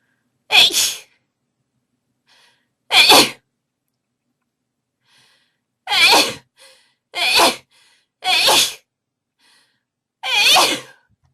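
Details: Six sharp, explosive induced sneezes at irregular intervals over about eleven seconds, with quiet pauses between; sneezing.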